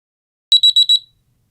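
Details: A brief, high electronic beep sequence of about four quick chirps as a DRI Sleeper Eclipse child bedwetting alarm switches on; the package pairs it with a second parental monitor alarm.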